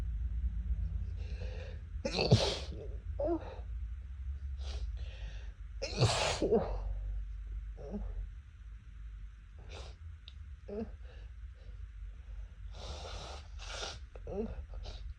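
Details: Person with a cat allergy, sneezing after a cat walked into the room: several sneezes in quick succession with breaths and small sniffs between, over a steady low room hum; an allergic sneezing fit.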